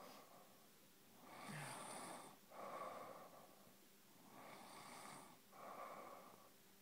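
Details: Passed out asleep in an awkward position: harsh, noisy breathing with rough snores on both in- and out-breaths, about 18 breaths a minute; snoring.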